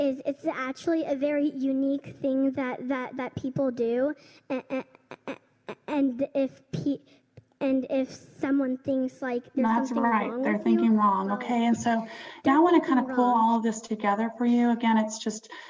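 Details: Stuttering in a girl who stutters, described as holding a word for a few seconds or repeating a word a couple of times; stuttering.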